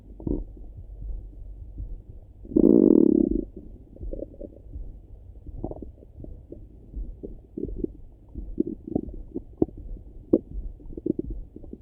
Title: Stomach Rumble in The Morning 🌄🫧🩺